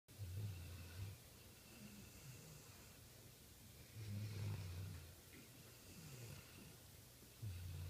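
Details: Sleeping mastiff snoring loudly: deep, low, rumbling snores, a few slow breaths over several seconds, with steady background hiss.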